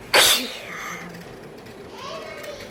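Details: Woman doing a nose-blowing sneezing challenge, inducing the sneeze with paper in the nose; her eyes are watering: one sharp, hissing sneeze burst followed by a fading sigh of breath.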